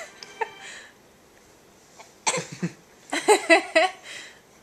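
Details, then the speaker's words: Father with hiccups before dinner, recorded on a Flip Video camcorder: a few abrupt, sharp vocal bursts in a quiet room, some with brief laughter nearby; hiccups. "i'm just waiting for another hiccups i'm no circus monkey every time you hit them where's the hiccup waiting for it say go away hiccups we're waiting for dinner"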